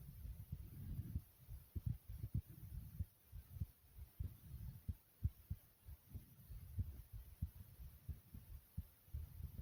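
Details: Person's own heartbeat recorded at normal pace; normal heart sounds.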